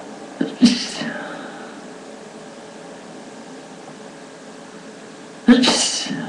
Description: Today I'm allergy and I'm sneezing a lot of times..